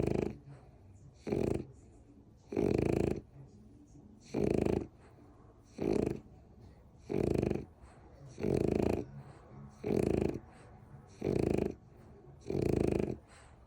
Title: ￼ Snoring